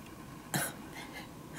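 A single short, harsh throat-clearing burst in a quiet room, a brief effort to clear the throat.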